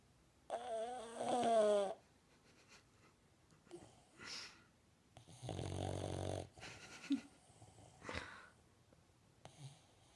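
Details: Snoring from a sleeping pet named Tini: irregular snorting and whistling breath noises with a few pauses between them.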